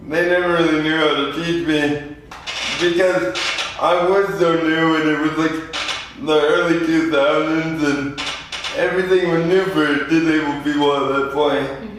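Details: 24-year-old man with lifelong spastic quadriplegic cerebral palsy following premature birth at 2 lb 4 oz; spastic dysarthria (cerebral palsy).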